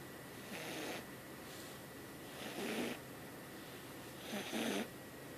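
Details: A sleeping cat snoring, first mistaken by the owner for the owner's boyfriend: soft, snuffly snores about every two seconds over room hiss.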